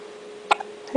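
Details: One-day-old newborn girl's first hiccups: a single short, sharp hiccup over a steady background hum, with the start of another at the end.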